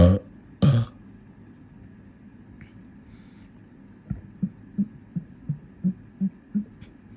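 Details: Deliberate burping session; two loud, long, deep burps, then a run of about eight short, low belch-like pulses. Repeated belching.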